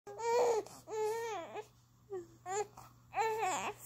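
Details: Infant during tummy time, which he dislikes, gives four fussy crying bursts in a quiet room: an ordinary cry of displeasure.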